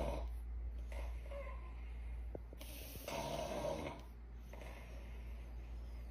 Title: Funny dogs snoring very loudly while sleeping Compilation 2022 😴😜